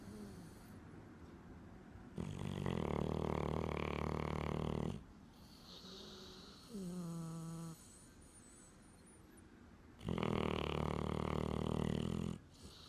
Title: Diesel snoring